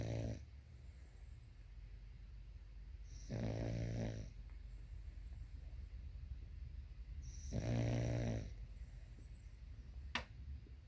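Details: Sleeping dog gives regular rattling snores about every four seconds, with quiet room noise between; snoring.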